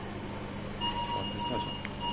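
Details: Repeating high electronic beeps over steady machine hum: low air-pressure alarm at start-up of a CV 200 compressor-based ICU ventilator, prompting a check of the compressor air supply.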